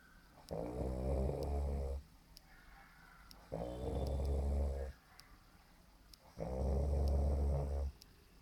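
Three deep, rumbling, rattling breaths at about 21 per minute, with quiet pauses between; steady snoring.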